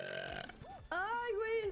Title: Cute streamer with deep burps